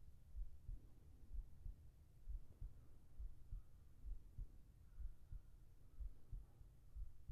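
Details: Soft, steady low lub-dub heartbeat at about 62 beats a minute with faint background hum, in a sleep ASMR recording; ordinary regular heart rhythm.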